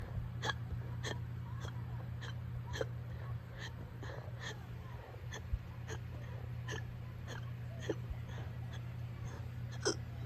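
About sixteen short, sharp hiccups in ten seconds, roughly 95 a minute, over a steady low hum of room noise.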